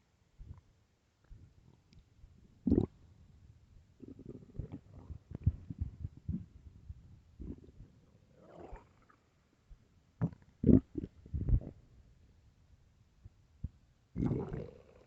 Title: late night stomach growls